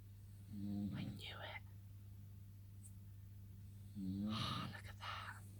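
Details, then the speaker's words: Husband snoring faintly at night while asleep. "it's a clock in the morning guys husband is snoring you can hear him"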